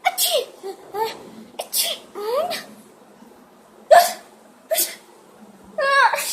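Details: Playful, likely imitated sneezes by two people demonstrating types of sneezers (loud, dramatic, repeated "achoo"): a series of short, sharp bursts, each with a breathy rush, mixed with voices and laughter; sneezing.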